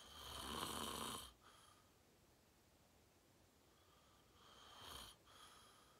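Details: Person deeply asleep, falling asleep fast: two loud, harsh, rattling snores about four seconds apart with quiet breathing between; loud snoring.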